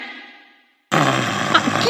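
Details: Acted snoring in a drama scene as a husband falls asleep in bed: after a fading tone and a brief silence, a loud, rough, low snort.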